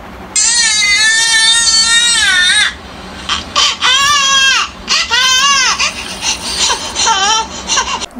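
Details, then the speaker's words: Recorded infant crying played back to test the sound sensor of a smart cradle prototype: a long wail, then several shorter rising-falling cries over room noise. "okay so firstly I'm going to test on the um some sensor first let's say we play a baby crying sound"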